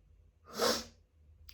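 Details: Uncovered sneezing fit from grass/flower pollen after a walk outdoors: a single sharp, breathy sneeze burst in a quiet room.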